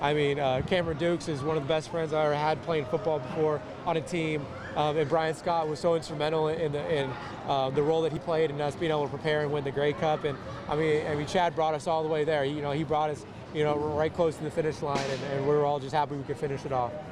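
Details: Adult man speaking; normal voice.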